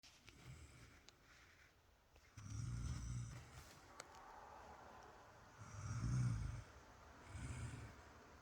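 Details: Snoring captured on camera from a sleeping person who denies snoring.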